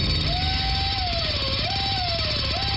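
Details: High-pitched dental drill whine rising and falling in pitch over a low rumble, apparently played in a radio advertisement for a dental office.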